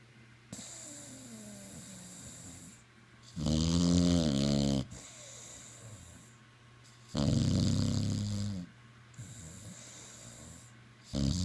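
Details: Snoring: loud, rattling, buzzy snores of about a second and a half each, roughly every four seconds, with quieter breaths between; a dog snoring.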